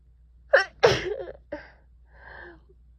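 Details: Sneeze during a cold lasting over a week with a streaming runny nose and cough; sharp inhaled catch, then a forceful sneeze burst with trailing breath; over-the-counter medicine stopped due to side effects; sneezing.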